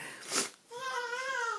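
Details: Young child during a stomping game: a short burst of breath noise, then a brief high-pitched whimpering cry.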